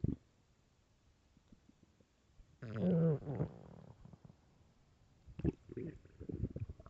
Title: extremely LOUD stomach growls (morning)